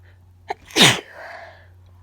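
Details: Single forceful, wet-sounding sneeze after a short in-breath, with trailing exhale; nose itching and tickling, cause unknown to the sneezer.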